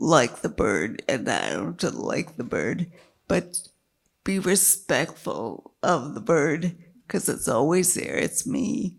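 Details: Woman with multiple sclerosis and a failing diaphragm, struggling to keep her voice, with an earlier brain lesion that caused total speech loss and word-finding difficulty; dysphonia in multiple sclerosis.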